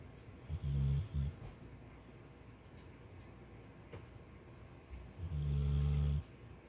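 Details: Snoring: deep, rumbling low snores, two short then a longer one, with quiet breathing in the pause between.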